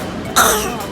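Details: A 6-month-old baby girl makes a single brief, light cough-like burst, a deliberate voluntary (fake) cough to catch her mother's attention.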